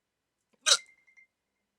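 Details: Adult with sleep apnea on CPAP treatment, hiccups after waking from sleep with CPAP mask, part of a 14-minute bout: single sharp, abrupt hiccup with a brief squeak; hiccups.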